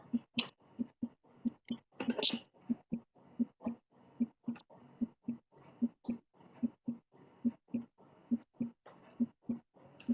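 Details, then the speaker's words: S3 gallop, an extra heart sound in early diastole: rapid, regular heart sounds with a soft added beat after the second sound, giving a galloping rhythm; described as hard to distinguish clearly. "Tuh kan dia tuh suaranya emang agak nyaru ya. Jadi dia tuh kalau misalnya ini kita lihat dari sini. Kalau misalnya dia S3 itu dia diastol yang terlalu cepat."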